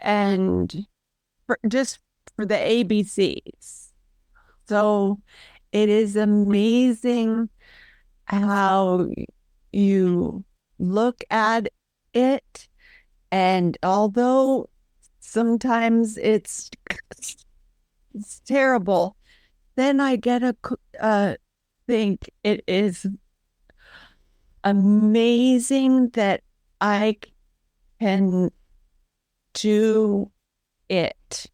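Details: Woman 12 years after a stroke, speaking haltingly; aphasia.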